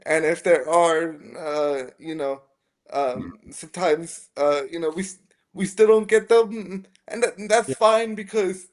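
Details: Dysarthria in a 27-year-old man with spastic quadriplegic cerebral palsy from a brain injury at premature birth (three months early, triplet), affecting his motor function, balance and speech; real, not acted.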